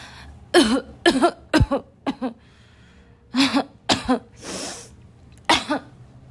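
Loud, harsh, barking coughs, about eight bursts in quick clusters with a breathy throat-clear between, forming a coughing fit.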